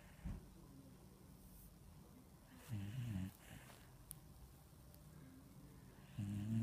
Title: Lol funny video of my dog snoring Lol 😂😂😂🐶🐾🐶🐾😂😂😂😂😂😂😅🎥🎥🎥